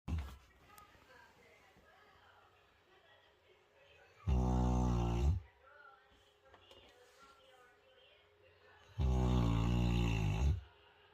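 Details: Two long, loud, rattling snores about five seconds apart, quiet between, from a deeply asleep sleeper: heavy snoring.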